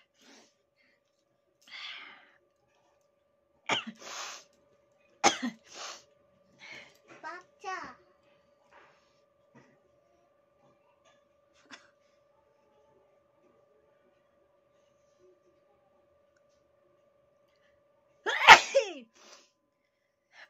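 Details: Several short sneezes and snorts in bursts, ending in one loud full sneeze, likely provoked or exaggerated for fun in a nose-sneezing challenge video.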